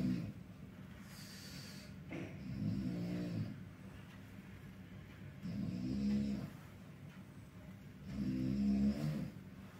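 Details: Rough, low rumbling inspiratory snores, about three in ten seconds with quiet pauses, from a neighbouring hospital patient behind a curtain; snoring.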